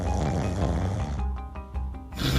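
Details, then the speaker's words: Low, rattling snore, with background music, as airway mucosa vibrates while air passes through a narrowed airway, shown on endoscopy during snoring. "그래서 코를 골 때는 이제 공기가 기도를 통과하면서 기도 주위의 점막이 이제 파르르 떨리게 되는데요. 이러면서 나는 소리가 바로 코골이고요."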